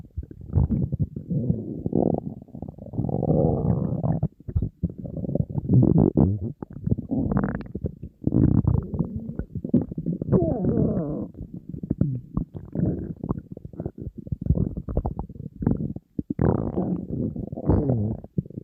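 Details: Person on a diet, very hungry, with an empty stomach: continuous low gurgling and growling rumbles with no pause, ordinary hunger stomach growling (borborygmi).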